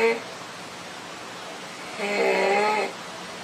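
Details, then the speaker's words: Child with inspiratory stridor: harsh, high-pitched crowing noise on each breath in, very quiet on expiration, from upper airway narrowing. "This child has stridor. That inspiratory noise is called stridor."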